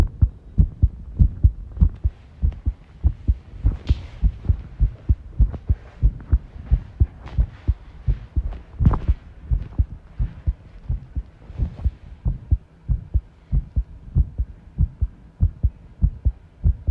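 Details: Heart sounds recorded while tidying a room, arrhythmia noted: low thumps at about 98 a minute with uneven spacing, faint room clatter; irregular heartbeat.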